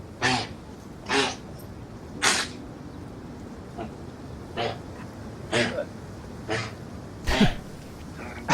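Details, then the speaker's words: Female dog with kennel cough: a run of about eight short, harsh, hacking coughs, heard at a distance. "what is that sound oh my dog has kennel cough so poor jewels she's losing it right now"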